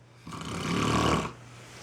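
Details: A single rough, rumbling breath about one second long from a skier sleeping after heli-skiing in the Chugach; snoring.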